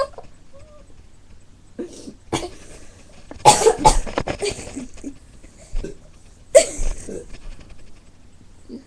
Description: got bored so decided to doo some burpping :)